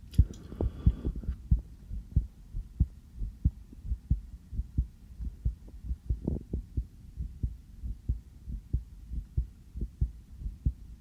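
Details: Steady low thumping heartbeat, about 92 a minute, soft hum behind it, heard through a sensitive stethoscope on an adult's own chest just after coming in from outside, beat felt as fast; real, normal heart sounds.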